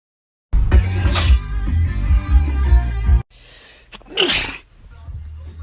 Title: Big Nose Man Sneezing